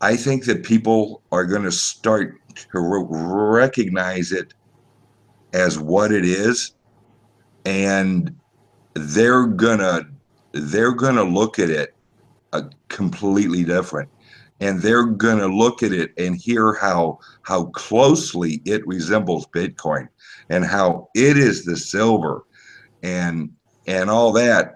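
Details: Speech impediment (disfluent speech), type unspecified, self-reported by a male truck driver.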